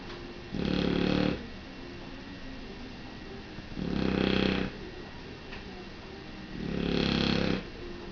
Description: Lilac Dilute Shar-Pei, snoring.